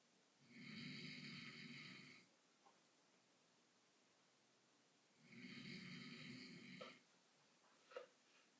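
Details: Two long, buzzing snores about five seconds apart from an adult man sleeping after a long day at work, in a quiet room, roughly twelve breaths a minute: ordinary snoring.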